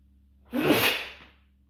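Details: Adult male who says he usually sneezes 3 to 5 times in a row; one forceful, explosive sneeze fading quickly over a faint steady hum; ordinary natural sneeze.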